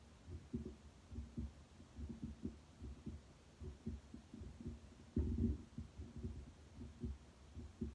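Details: Heart sounds heard through a Littmann Cardiology stethoscope at the mitral, tricuspid, Erb's, pulmonic and aortic sites: steady paired low thumps, about 75 a minute, with a brief handling bump.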